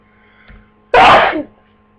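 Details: Sneeze during flu: a brief intake of breath, then one loud, explosive sneeze in a quiet room.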